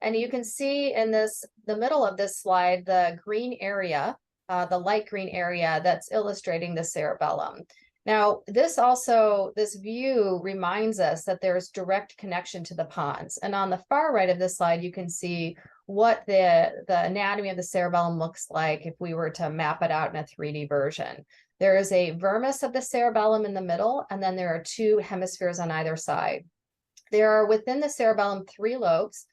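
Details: Adult woman lecturing; normal speech.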